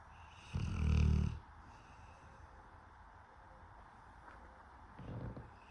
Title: Snoring lil piggy!